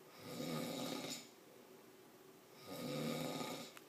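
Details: Adult man asleep sitting on a couch at 6:55 p.m. with his mouth open, described as a bad, loud snorer: two loud, rough inward snores about two and a half seconds apart; snoring.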